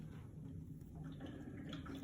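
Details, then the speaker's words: Steady low bubbling and gurgling from the water chamber of a bubble CPAP set at 5 cm water pressure, run as a closed-circuit leak test; continuous bubbling shows no leak. "So this is your inspiratory and expiratory limb, and you can already see that there are no leaks and it is bubbling. So if there's no bubbling, what does that mean? You have a leak."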